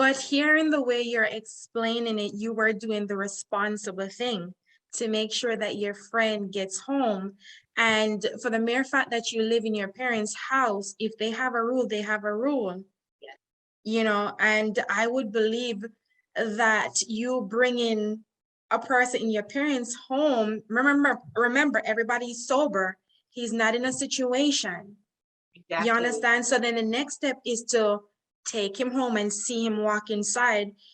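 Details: Adult woman speaking; normal speech.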